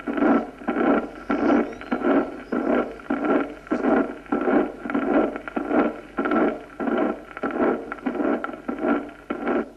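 Regular heart sounds at about 97 a minute, each followed by a short blowing murmur in early systole: early systolic murmur of acute mitral regurgitation.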